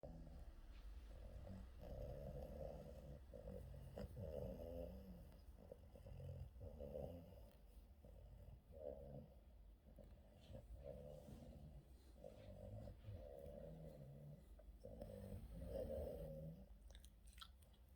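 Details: Boston terrier during an afternoon nap: steady low, rumbling snores with each breath over a background hum; snoring.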